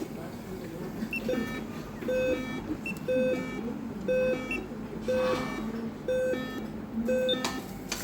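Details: Dialysis machine under repair showing V99 and V130 failures with an upper flow alarm: an electronic alarm tone repeating about once a second over room noise.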